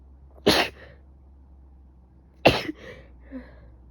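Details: Two sharp single coughs about two seconds apart, each with a brief trailing sound, from someone who likely caught a cold: woke with stuffy nose, sneezing, coughing, severe headache, now fever; cough.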